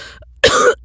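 A single short, harsh cough burst after a brief pause. An acted cough, performed rather than spontaneous.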